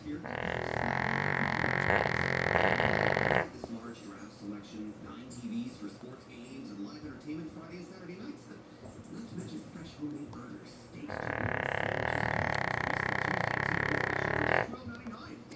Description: KATIE, a lab mix enjoys a snooze. Katie snores due to a birth defect which has left her airways narrowed (similar to pugs and bulldogs).